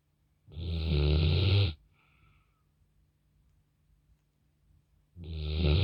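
Loud, deep rattling snores on each in-breath, with quiet gaps between; ordinary heavy snoring.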